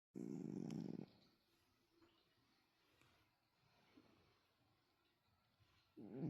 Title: Callie is at again with her Snoring #cat #snoring #funnycats #cutecat #share #fyp